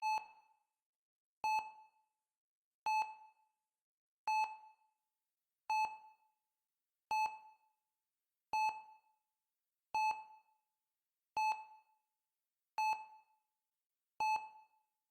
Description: Close your eyes and relax to this heart monitor white noise.